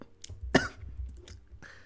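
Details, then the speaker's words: Persistent cough, described as extremely annoying and unlike usual sore-throat coughs: a single harsh cough burst with brief throat-clearing. "hello everyone and welcome back to another schnuck 2 video today's video is about my extremely annoying cough sorry"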